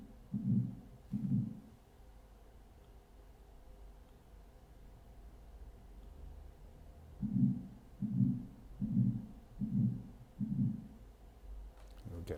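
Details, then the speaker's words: Dog with pulmonic stenosis (right ventricular outflow obstruction) plus pulmonic insufficiency: regular low whooshing bursts at about 76 a minute, each swelling then fading, a crescendo-decrescendo systolic ejection murmur. "murmurs are associated with outflow obstructions like this is an example of pulmonic stenosis in case we're looking at the right ventricular outflow tracks here we've got a stenosis"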